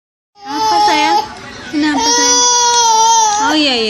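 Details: Fussy crying in a child unsettled by a cough and cold: a loud, sustained wailing cry with pitch rises and a brief dip.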